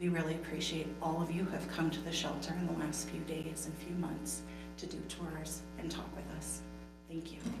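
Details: Adult woman speaking; ordinary speech.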